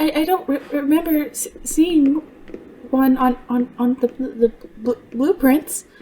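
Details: Stuttering in an adult female voice actress voicing a character who stutters; she reports she truly stutters, worse when extremely stressed, and genuinely struggled on some words here; character calls it a deep-rooted psychological issue not cured by attempts to fix it.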